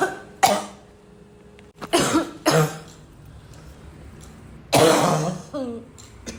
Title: coughing for days